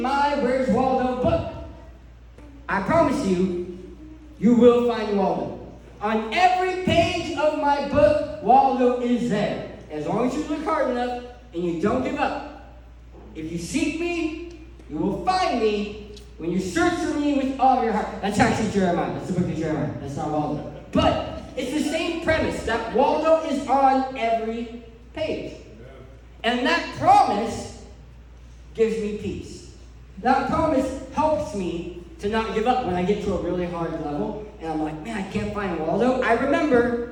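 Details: Adult male who lost 80% of his tongue to cancer, with a permanent speech impediment: speech impairment after partial glossectomy.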